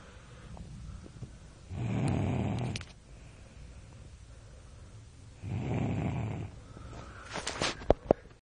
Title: FUNNY!! my 3 yr old son snores really loud